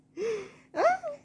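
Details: Short voiced intake then a sharper, squeaky burst from a baby who laughs after sneezing; infant sneeze.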